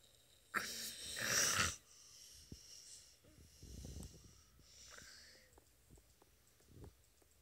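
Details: Sleeping four-year-old boy snoring: noisy breathing with a loud rough inhalation and softer breaths after.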